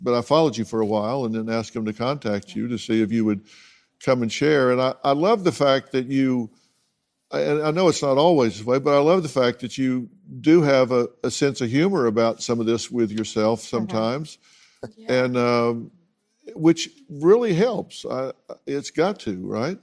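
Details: Adult man speaking; ordinary speech.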